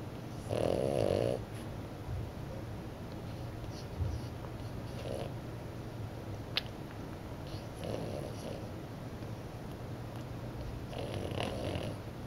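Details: French bulldog puppy napping in the morning, a habitual snorer: rough, rattling snores on inward breaths, quieter snorts between them, against low room hum.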